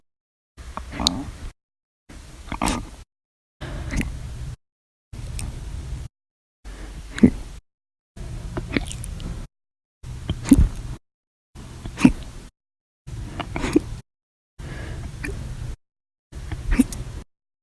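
Short, abrupt gulping sounds recurring in a steady series, fitting a run of persistent hiccups.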